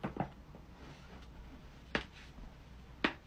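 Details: A few sharp, brief back cracks over about three seconds in a quiet room, from joint cavitation during a spinal adjustment.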